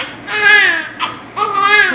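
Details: Newborn after normal vaginal delivery, just given vitamin K and hepatitis B vaccine: loud, high-pitched cries in two strong bursts with a brief breath between; a vigorous, normal cry. Newborn cry.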